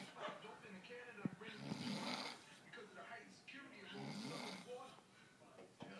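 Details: Soft, rough snoring breaths rising and falling against faint room noise; snoring during sleep.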